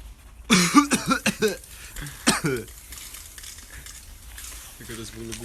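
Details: A person coughing: a short burst of about four quick, harsh coughs, followed by faint room noise and a brief voiced sound.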